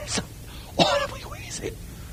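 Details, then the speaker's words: Imitated upper-airway stridor in an emergency-medicine teaching context: short, harsh, coarse noisy breaths, described as a much coarser wheezing of the upper airway that should suggest laryngospasm, unlike asthma. "you all recognize that Strider is basically wheezing of the upper Airways so it's a much coarser sound"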